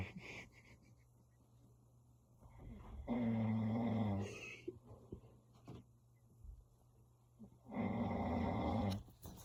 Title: HELP ME 😭😭 #snoring #viral #foryou #fyp